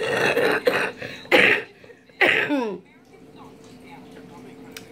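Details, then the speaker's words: Huff coughing after chest percussion with a cornet airway-clearance device in a person with cystic fibrosis: several forceful breathy huffs and cough-like bursts, then quiet, forcing air out to clear mucus from small airway pockets. "really know I explain it but help coughing is good because it forces air out of your lungs so that also helps for some you kids out of the little pockets in your Airways"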